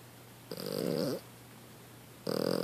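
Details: Younger sister sleeping; two loud, rattling, throaty breath sounds separated by quiet; snoring.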